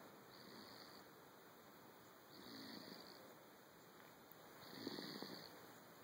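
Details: Infant aged 11 weeks snoring during sleep: soft, noisy snoring breaths, about three in six seconds, over steady room hiss.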